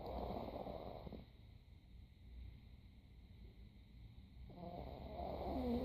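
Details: Snoring with low, rattling, purring breaths and quiet pauses between them, over a steady background hum.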